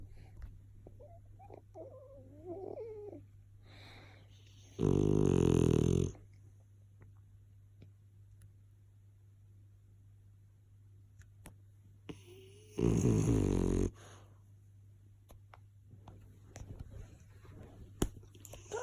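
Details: Sleeping French Bulldog puppy: two loud, harsh snores about eight seconds apart, with quiet room sounds and small baby noises between, before a baby wakes it; snoring.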